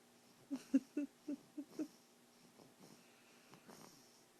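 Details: A run of short, quick, rattling snorts, then softer breathing, from a sleeping young child with a chromosome disorder, epilepsy, autoimmune disorder and lung issues; parent says he is fine; snoring.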